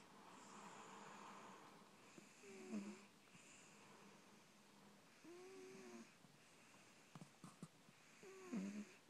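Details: Cat sound asleep: soft, high-pitched whistling snores over several breaths, with faint squeaks over a steady room hum; snoring.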